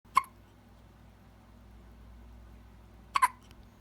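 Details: One-week-old newborn girl with two brief, sharp hiccup sounds about three seconds apart, soft room hum between; newborn hiccups.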